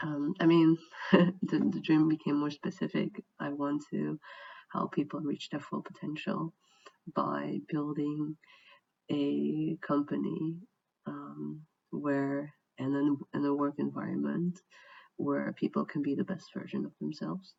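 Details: Adult who has stuttered badly since childhood, now mostly fluent in English after training, with speech still more effortful and worse without enough rest; mild residual stuttering.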